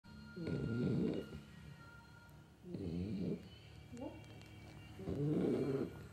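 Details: Snoring from a sleeping 3.5-month-old Dachshund puppy: rhythmic low rattling snores, about 26 a minute, with quiet breathing between them.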